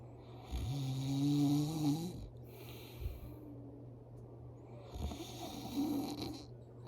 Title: Pass out And snoring￼ So loud￼